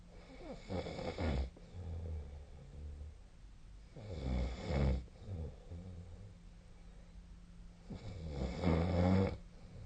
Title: 🐽 本日のイビキ / Snoring Sleep Sound 2025/02/26